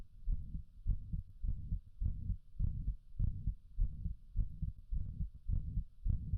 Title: | Heart Murmur |